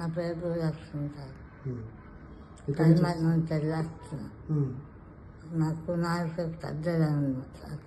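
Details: Male treated for tongue cancer with glossectomy and reconstruction, followed by chemoradiotherapy; he reports his speech is now a little better understood; articulation impairment after glossectomy.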